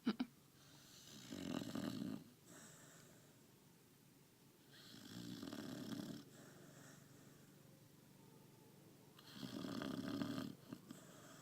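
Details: A pet dog sleeping after a hard day of walking and eating, snoring with three slow, rough breaths about one every four seconds and quiet breathing between them.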